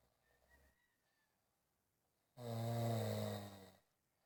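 One loud, low, rough rumbling breath lasting about a second and a half after quiet; a single snore.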